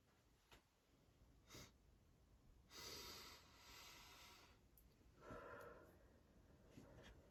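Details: Candle-triggered allergy: several forceful nasal snorts and sniffs, harsh breathy bursts in a small quiet room.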